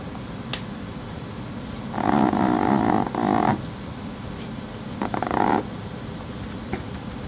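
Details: A sleeping puppy snores, with two bursts of snuffly, rasping breathing over steady background noise.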